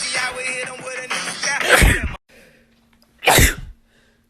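Two sharp explosive bursts with a quick breath between, over background music; sneezes.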